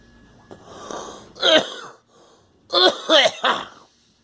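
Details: Coughing by the speaker and a girl: a few short, harsh cough bursts, one then a quick run of three, with a slightly wheezy, raspy edge.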